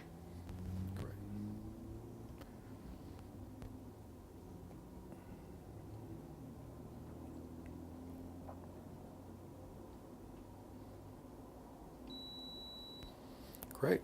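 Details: Quiet room hum, then a short steady electronic beep as an automatic blood pressure cuff finishes its arm reading during a demonstration exam.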